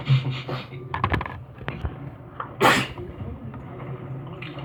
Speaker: Thank you. I think I have more sneezes on the way.